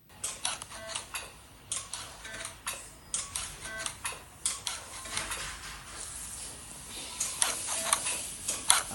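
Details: Sharp clicking bursts about twice a second over faint background sound, from a radiofrequency microneedling handpiece during nonablative treatment contracting the fibroseptal network: device pulses.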